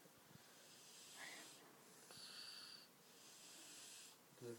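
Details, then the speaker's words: Person snoring, with noisy, hissing breaths and high, squeaky whistling tones on each breath, likened to a guinea pig squealing. "Sounds like guinea pig squealing."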